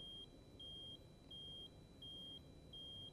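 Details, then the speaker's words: CPR metronome for ResQCPR active compression-decompression training: steady beeps alternating between two pitches, about 80 a minute; compress on one tone, lift on the next, target 80 per minute. "once you have your technique down turn on the metronome compress on one tone and lift on the next"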